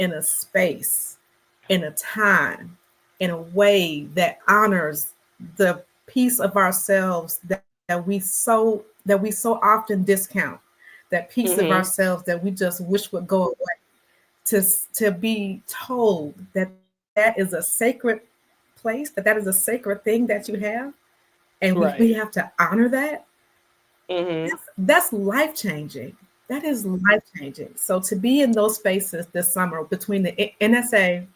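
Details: Real stuttering in an adult black woman who describes herself as a person who stutters, in a conversational interview with word repetitions; stuttering.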